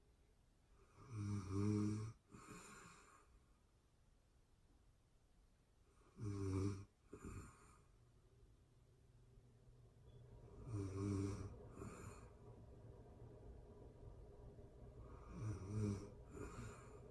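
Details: Real-time recording of a person asleep: four rattling snores on the in-breath, about 13 breaths a minute, with quiet pauses between in a still room; snoring.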